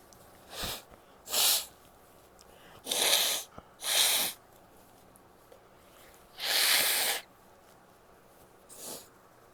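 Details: Adult female: about six sharp, airy sneezes, some short and some longer and forceful, with a barky edge, separated by quiet pauses; repeated sneezing.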